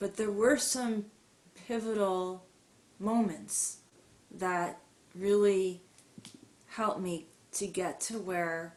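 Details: Adult woman with mild to moderate stuttering, long hidden (covert stuttering) with silent blocks, who has had speech therapy; stuttering.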